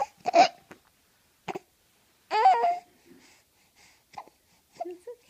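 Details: Baby hiccups.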